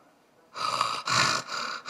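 Imitated sleep-apnea breathing: three harsh, rasping snort-gasp breaths in quick succession after an obstructed pause.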